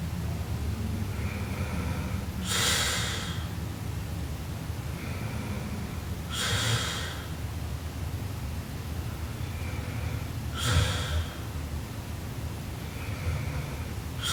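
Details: Sleeping Japanese girl snoring: slow, noisy breaths with three loud snorting inhalations about four seconds apart over steady background noise.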